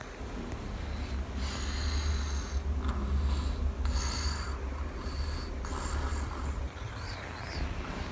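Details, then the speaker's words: Sleeping baby girl put down for a nap: soft, noisy snoring breaths, about four in six seconds, over a steady low hum; infant snoring. "as you can hear snoring away happily"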